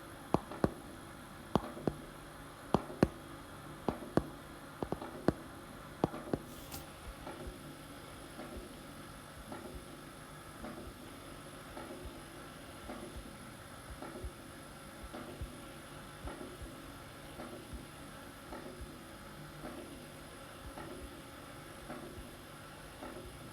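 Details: Regular heart sounds with sharp clicks, best heard over the apex; mitral valve prolapse with a midsystolic click before S2.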